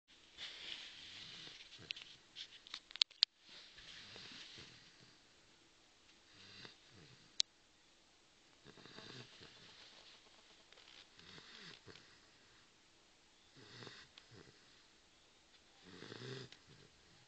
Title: brutus dogue de bordeaux snoring